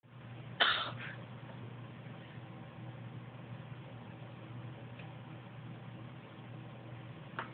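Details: Female pet lying down gives one short, sharp sneeze, followed by steady low room hum and a faint click near the end.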